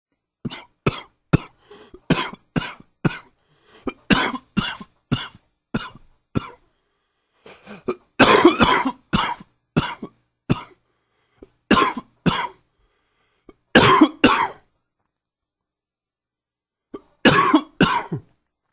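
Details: Adult with bronchitis giving repeated bouts of short, harsh coughs in a quiet room; bronchitis cough.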